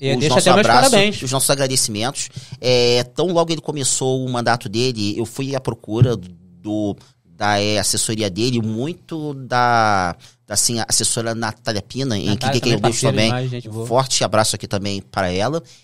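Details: Stuttering in an adult man who identifies as a person who stutters; he says his stuttering worsens under stress and that certain words were hard for him to say in school.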